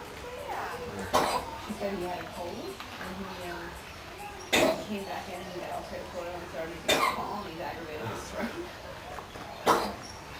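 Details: Koala named Oscar at a Sydney wildlife park, sick with a cold he later recovered from, gives four short, sharp coughs over background voices: cough with an upper respiratory infection.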